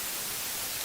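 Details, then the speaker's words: Simulated hissing-type tinnitus: a steady high-pitched, static-like hiss, likened to air escaping from a kettle, played as an example of a tinnitus sound. "히싱 소리도 있고네 이렇게 주전자 바람 빠지는 소리 그다음에 벌레우는 소리 이런 소리가 귀에서 내 귀에서만 나거든요"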